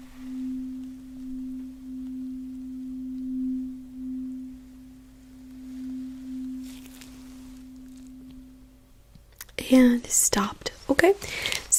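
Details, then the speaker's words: Simulated ASMR cranial nerve exam role-play: during a hearing test, a struck tuning fork gives a steady, pure humming tone that slowly fades, and the listener is asked to say when it can no longer be heard; soft speech follows. "next we're going to do a tuning fork test and i'm going to create a vibration sound please let me know when you don't hear it anymore"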